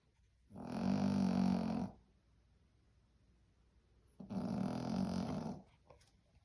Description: Filming my Yorkie sleeping but keeping others awake.